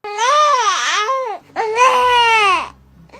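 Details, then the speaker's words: Dunstan 'Neh' cry of an infant: two strong, tonal cry bursts with a 'neh'-like onset, signalling hunger. "Number one হচ্ছে গিয়ে নে। নে মানে বাচ্চার খিদে পেয়েছে।"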